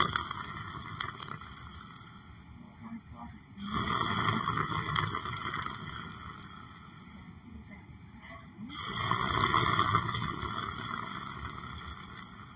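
Two long, loud, rough breathing noises about five seconds apart over steady background hum: snoring during sleep.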